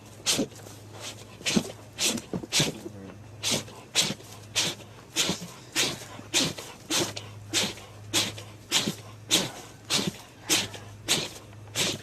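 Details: Animal sneezing: many short, sharp, hissing bursts in quick succession, about twenty in twelve seconds, over a faint steady hum.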